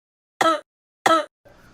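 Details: Two short, voiced cough bursts about half a second apart, with a throat-clearing quality.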